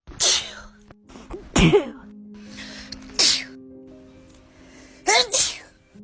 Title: Covid sneezes